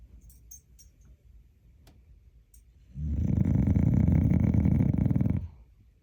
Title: TIKTOK DOG . Каплер храпит как боров. Kapler snores like a hog .